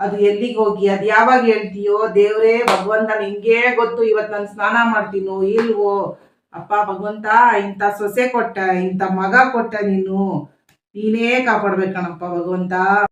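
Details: Adult woman acting a role; normal speech.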